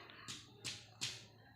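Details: Dull percussion note over the heart.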